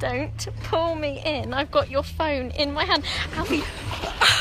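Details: Adult speaker; typical speech.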